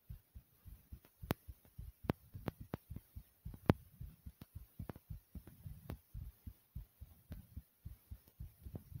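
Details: Fast, closely spaced thumping heartbeat with sharp clicks and rubbing noise, recorded after jumping in place for a few minutes to make the heart race; fast heartbeat after exercise.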